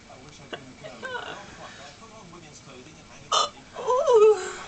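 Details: Woman with hiccups: a sudden sharp hiccup-like catch of the voice amid quiet talk, followed by a louder voiced sound.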